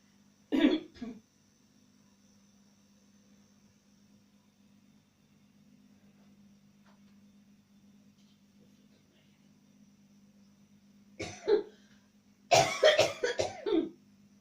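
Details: A cough recorded at New Year: one short cough, then after a long quiet gap a brief burst of several harsh coughs, over a low room hum.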